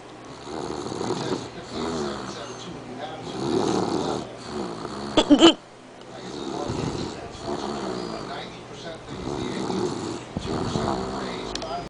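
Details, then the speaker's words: Boy (son) asleep and tired, snoring: loud, rattling snores repeating roughly every two seconds, with a brief sharp noise partway through. "My son could snore. I don't know if you can hear it, but wait, hold on."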